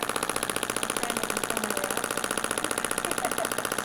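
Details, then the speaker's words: Rapid mechanical ratcheting like a small jackhammer, about two pulses a second, from a radial shockwave device on calf trigger points of a woman with plantar fasciitis for over 3 years. "so that ratcheting sound or the jackhammering sound is that bullet hitting the end of the the tool and then sending that that shock wave into the tissue"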